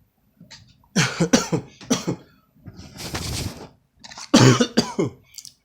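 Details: A run of about five harsh, explosive coughs with rough throat-clearing breaths between bursts; the speaker jokes about getting NyQuil and someone coming down with the flu.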